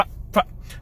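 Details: Adult man with Tourette syndrome whose tics are worse after caffeine: a brief, sudden, bird-like vocal burst, a simple vocal tic.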